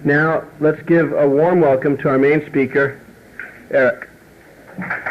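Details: Adult male speaker; Typical speech.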